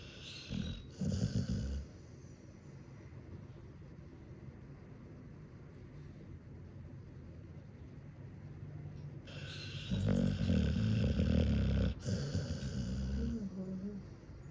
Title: Snoring sounds of a dog 🐶